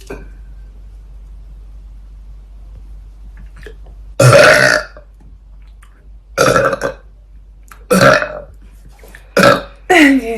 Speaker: really burping in your face